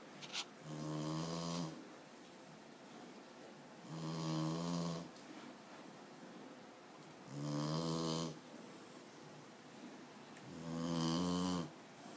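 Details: Puppy snoring while asleep crammed in a Costco box: regular, rumbling, buzzy snores about 18 a minute, each lasting about a second, with quiet pauses between.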